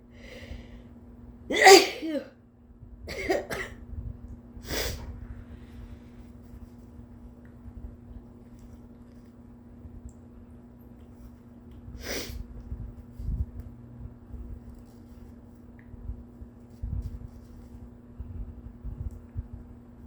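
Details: Strong, exhausted-sounding induced sneeze, then smaller sneezes, with quiet breathing. The person had a sore throat, bad headache, stuffy nose and an irritated nose all day, and wonders if they are getting sick.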